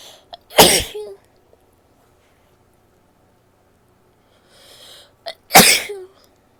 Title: sneezes and nose blows (f)